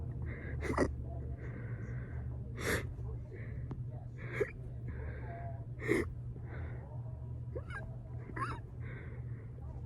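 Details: Fast, burp-induced hiccups described as unusually weird: sharp, sudden gasping catches recurring about every 1.5 to 2 seconds over a steady low hum; rapid hiccups.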